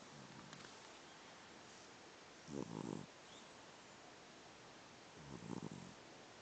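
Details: Two soft, fluttering snores about three seconds apart over a steady background hiss; quiet snoring.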